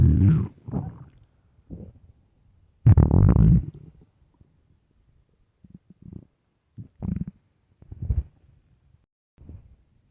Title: starving stomach growling and rumbling part 2